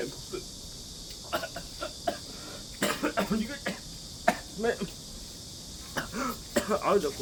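Several short, dry coughs and throat-clearing sounds in a quiet room, with steady background hiss.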